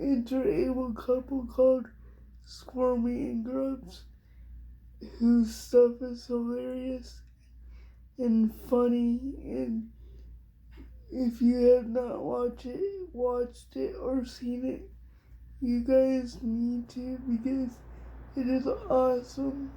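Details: Adult female with cerebral palsy, diagnosed at 6 months old, which she thinks is level 4 or 5, affecting all parts of her body, including her hands and somewhat her speech; she also has dystonia. Dysarthria (cerebral palsy).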